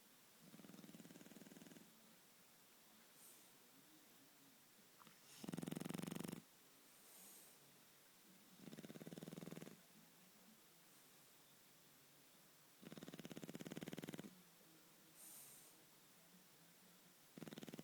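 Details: Shar Pei dog asleep and snoring, loud rasping snores about every four seconds with softer breaths between.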